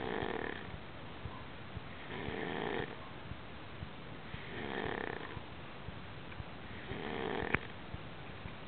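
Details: Snoring during sleep: rough, rattling snores on each in-breath, about four in under nine seconds, in a quiet room.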